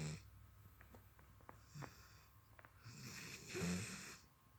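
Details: Kovu, a sleeping dog, snoring like a grown man: low, rumbling snores with a snorting quality on the breath; ordinary snoring.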